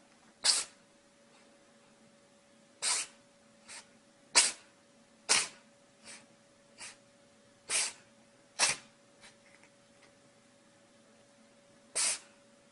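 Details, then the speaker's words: Animal sneezing, possibly a cat: run of about ten short, sharp, high-pitched puffs at irregular spacing, some stronger than others. "Charlie, sneeze. Good job, Charlie. Sneeze."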